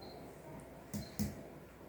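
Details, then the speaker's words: Percussion of the upper abdomen on an adult male in a nursing physical exam: two short hollow taps giving a tympanic note over the air-filled stomach, after resonant lung and dull heart/liver areas. "Di sini tuh sudah terdengar timpani ya Pak. Tandanya sudah terdengar suara lambung."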